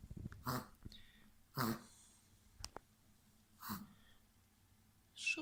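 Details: Dog named Quinn (Квин) gives four harsh, breathy hacking bursts a second or two apart; a vet-diagnosed cough, treated with two children's syrups dosed by age and weight on the vet's advice.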